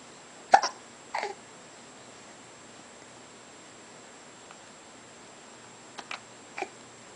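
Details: 3-month-old infant: brief sharp catches of breath with soft voicing, a few seconds apart, in a quiet room; hiccups.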